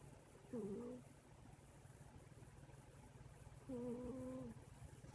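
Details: Sleeping pet cat snoring: two soft, pitched, whistly snores about three seconds apart over a faint steady high hiss; harmless feline snoring.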